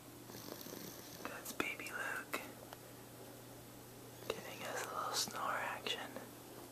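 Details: Quiet snoring from a sleeping cat, recorded with a Flip Video camera: soft, breathy nasal snorts with faint squeaky whistles, two or three per cycle, over a steady low room hum.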